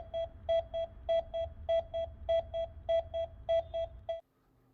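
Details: Steady electronic beeps at about 100 per minute from an automated external defibrillator (AED) after its analysis and shock prompts, pacing chest compressions in a 30-compression CPR cycle during a Korean AED-use demonstration.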